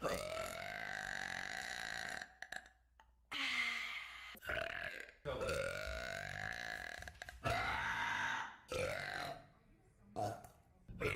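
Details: Burp compilation: several long, drawn-out voiced burps with clear tone, separated by short silences; burping.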